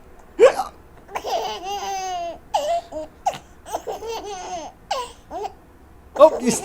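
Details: A young child hiccups with two sharp, abrupt hiccup sounds, with laughter and voices in between; the hiccups persist.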